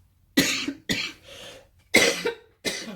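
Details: Four sharp, harsh dry-sounding cough bursts in quick succession from an adult who is unwell with a voice not quite right, faint breath between; recurrent cough.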